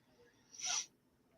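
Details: Sneeze from an adult with an ongoing head and chest cold, sinus congestion and a failing voice, on day two of azithromycin and a five-day prednisone course.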